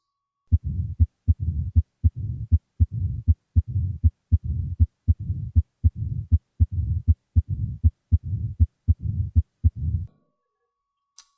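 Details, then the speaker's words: Regular heartbeat about 79 a minute, with sharp clicks each followed by a low rumbling murmur between beats: mitral stenosis murmur. "mitral stenosis is best heard with the patient rolled onto the left side while listening with the bell at the apex which should be relocated after moving the patient"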